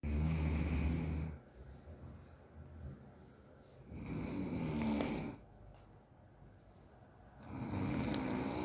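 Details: Pet dog falling asleep while the owner checks whether it snores: deep, rumbling snores with quieter breaths between them, about 15 breaths a minute. Snoring.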